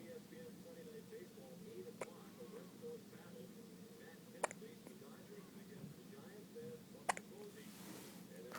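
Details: Day-1 newborn baby with hiccups: small, sharp clicking catches about every two and a half seconds, roughly 23 a minute, over soft room noise and faint whispering.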